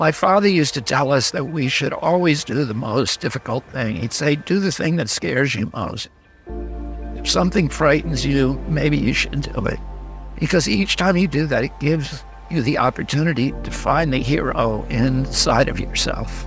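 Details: Spasmodic dysphonia (he calls it spasmodic dystonia) in a 70-year-old man: a neurological voice disorder that makes his voice tremble, with onset at age 42. He also says his voice was very strong until age 46.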